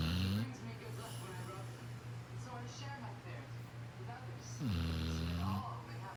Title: Hilarious snoring dog!!#dog #shorts#sleeping#funny